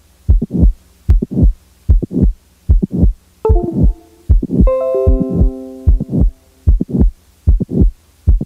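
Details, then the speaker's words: Stethoscope recording from a patient with mitral valve prolapse: regular heartbeat near 75/min with a mid-systolic click followed by a late systolic murmur. "late systolic murmur in a patient with a mitral valve prolapse now the mid-systolic click is added [Music] now a late systolic murmur is added"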